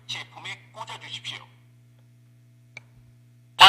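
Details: Training demonstration of an automated external defibrillator (AED) with adult-mode pads applied and connected: the device's voice prompt during rhythm analysis.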